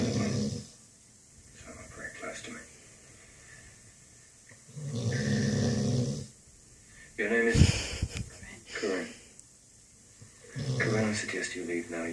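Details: Loud, low rattling breaths recurring every few seconds with quiet pauses between; snoring.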